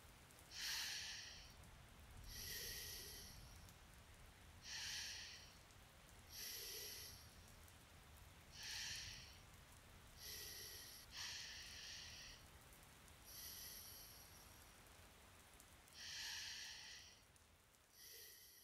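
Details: Acted light snoring by a sick boyfriend in an audio roleplay: soft, hissy snorting breaths about 15 a minute over steady rain.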